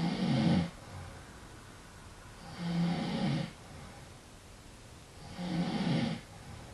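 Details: Three low, rattling snores about 2.7 seconds apart with quiet breathing between, from a man who claims he is not asleep.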